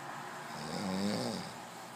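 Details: A man snoring in sleep after water was put in his mouth: a single droning, buzzing breath sound with a low hum over steady background noise.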